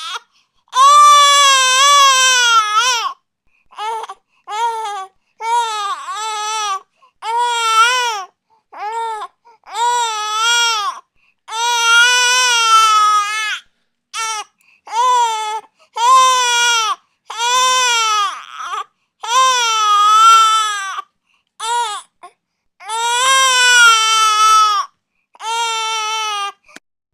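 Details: Infant crying from a sound-effect track: repeated high-pitched wails broken by short breaths.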